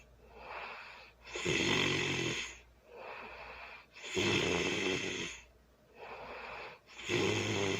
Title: #ASM #sleeping #snoring #loud early Sunday morning sleeping and snoring